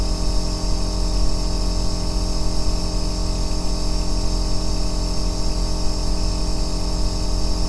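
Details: Loud, steady, deep-bass droning hum with faint hiss and no pauses: an aerosol nebulizer running continuously, recorded as sleep white noise.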